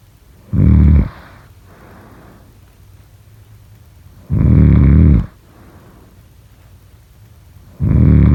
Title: #snoring #snoringasmr #snoringsleepingsoundeffect #sleepnoises